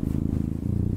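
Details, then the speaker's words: A cat purring while being stroked or held: a steady, low rumbling purr. "umumnya kucing akan mengeluarkan suara seperti dengkuran saat sedang dibelai atau saat kamu menggendongnya"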